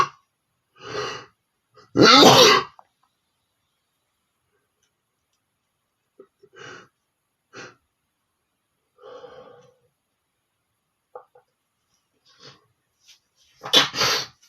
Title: sneezing male #3 (the long video)